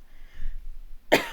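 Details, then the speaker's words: A single sharp cough from an adult after a second of quiet room sound; the speaker apologizes for coughing. "je suis désolé je tousse"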